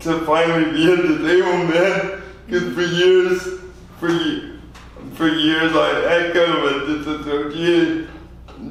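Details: 24-year-old man with lifelong spastic quadriplegic cerebral palsy following premature birth at 2 lb 4 oz; dysarthria (spastic, cerebral palsy).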